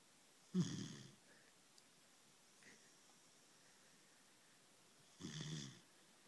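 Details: German Shepherd puppy sleeping in a quiet room: two low, rattling snores about five seconds apart; snoring.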